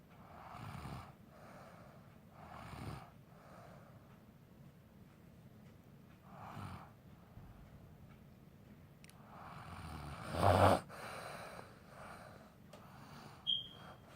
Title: Snoring baby